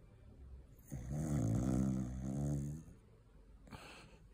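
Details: Sleeping Cocker Spaniel snoring loudly after a long day of eating Christmas turkey: one long, low, rattling snore followed by a short exhaled puff.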